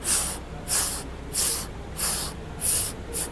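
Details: Vocal imitation of a thyroid bruit, as from the increased vascularity classically seen in Graves disease: repeated soft blowing hisses at about 92 per minute, roughly one per beat.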